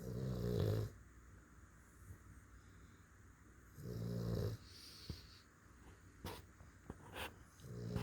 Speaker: listen to my boys they're snoring hear him my boys he's sleeping they're always on Mama's lap